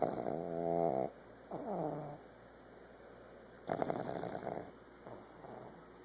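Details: Loud, rough, partly tonal snorting in repeated bursts, about four in six seconds, from a female pug nearly 1 year old who snores all the time; owner says she doesn't need surgery.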